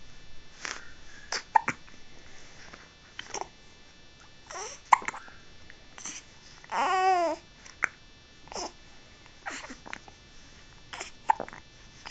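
Baby babbling and vocalizing, with sudden short catches in the voice that fit hiccups.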